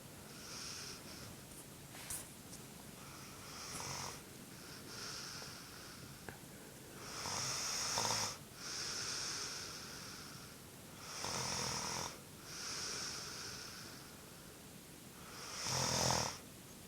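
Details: Snoring during sleep: slow, irregular hissing, whistling breaths about 14 a minute, with a raspy snore on some breaths.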